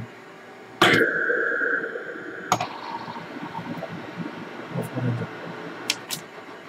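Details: Philips Cough Assist T70: humming, whistling insufflation air flow, then a sharp exsufflation burst, mechanical insufflation-exsufflation device operating.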